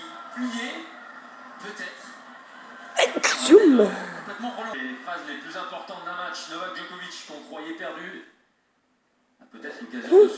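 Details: Sneezes during a tennis broadcast: several sharp sneezes over a commentator's speech; sneezing.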